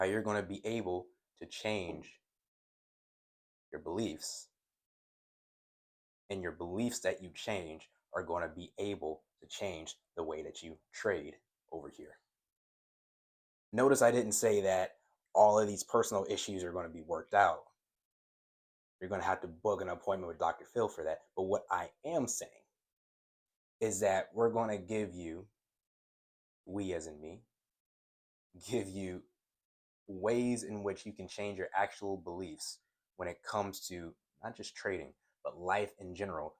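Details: Adult male who says he stutters, and stutters more when excited about a topic; part-word and whole-word repetitions are heard; stuttering.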